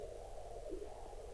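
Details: Venous Doppler ultrasound at the start of a lower-limb venous exam, checking IVC and iliac vein patency in a patient with large dilated superficial veins on the medial thigh: normal venous flow.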